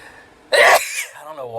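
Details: Sneeze from a compilation of one person's sneezing bouts: a single loud, explosive sneeze followed by a brief voiced exhale.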